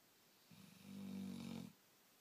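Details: Sleeping female black Labrador, tired after a late night: one low, fluttering snore lasting just over a second; ordinary snoring.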